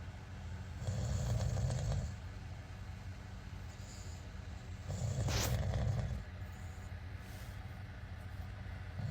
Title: Need Help with Snoring?